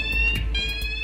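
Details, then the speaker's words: Steady high-pitched electronic hospital emergency alarm sounding continuously in a busy emergency department at night, calling a junior doctor to a patient in cardiac arrest. "suddenly the emergency alarm goes off let's go a patient has gone into cardiac arrest gin needs to get to them and fast"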